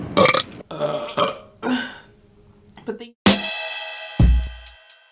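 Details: Women burping, from a compilation: several loud, rough, drawn-out belches one after another, with music and a voice in the background.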